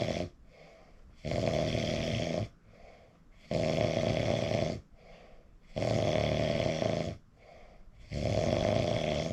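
Loud, rough snores on each in-breath with quieter out-breaths, about 14 breaths a minute; heavy snoring during sleep.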